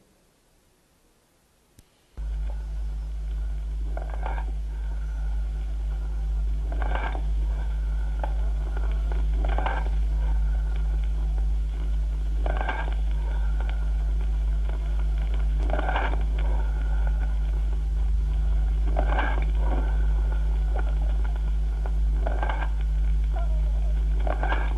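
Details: Cavernous breathing heard on stethoscope chest auscultation.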